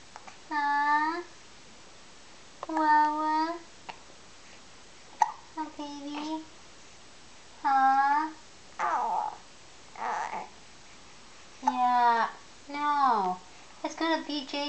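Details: Hiccups in a 1-month-old baby: short musical coos while the baby vocalizes to the mother, broken by a few brief, abrupt hiccup sounds.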